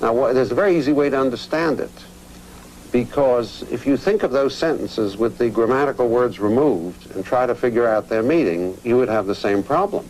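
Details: Adult male narrator; normal fluent speech.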